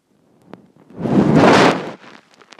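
A single loud, rolling rumble lasting about a second, with faint gurgles around it; stomach growling from hunger.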